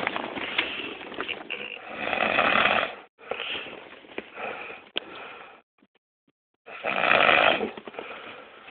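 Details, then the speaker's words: An adult who denies snoring, recorded close up while asleep. Snoring. "This is you snoring. And you don't snore."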